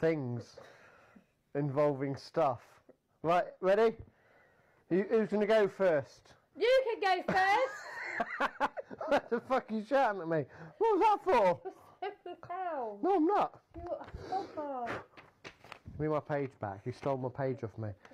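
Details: Man with Tourette syndrome; vocal tics including sudden swearing and shouting.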